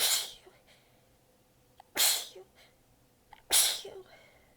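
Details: Three quick sneezes, each followed by a short breathy exhale, from an exhausted adult with sore abs biting back sneezes; part of a massive sneezing fit.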